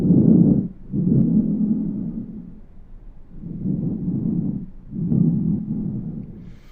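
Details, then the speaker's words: Simulated VR patient, stethoscope over the posterior chest: soft, low rushing breath sounds in slow, even cycles; normal breath sounds. "So, as you saw there, I just pulled out a stethoscope. I can come up, listen to her sounds. We just have normal lung sounds to start."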